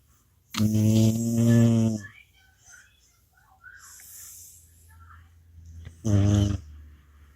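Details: Pet sleeping soundly while someone tries to wake him: loud, deep, droning snores with a rattling tone and quieter breathing between them.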